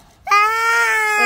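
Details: Infant crying: a single sustained, high-pitched wailing cry; ordinary infant crying.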